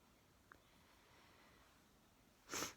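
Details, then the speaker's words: A single sharp, hissing sneeze after a quiet stretch in a small room, from a chronic sneezer who says the sneezing is random and unrelated to food, drink or place. "when i wake up i can sneeze when i'm in the middle of eating my dinner or an evening meal or my breakfast i can sneeze i can be sneezing inside i can be sneezing outside there's just no reason absolutely no reason"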